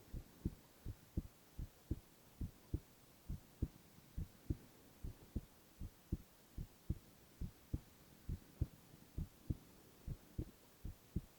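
Steady, regular low thumps at about 68 beats a minute, with no added sounds: normal adult heartbeat.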